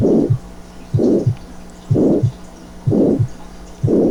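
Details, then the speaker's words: Regular heartbeat near 62 a minute with harsh diamond-shaped crescendo-decrescendo systolic murmur of aortic stenosis running to the second heart sound, which is decreased; ejection click masked by the murmur; voice at end. "y el primer ruido tú aquí está el chasquido de apertura que está enmascarado por el soplo y el soplo romboidal 2 sobre romboide al que termina hasta el segundo ruido cardíaco"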